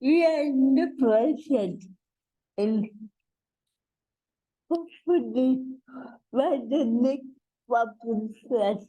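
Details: Adult woman with cerebral palsy, a real speaker in a conversational interview; dysarthria (cerebral palsy).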